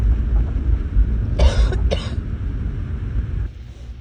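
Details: Two short, dry coughs in quick succession over a heavy low rumble like vehicle or wind noise, from a person with an acute illness.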